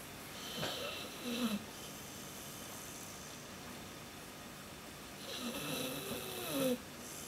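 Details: Light snoring while sleeping after Christmas partying: two soft, whistling, snuffly snores several seconds apart over quiet room hiss.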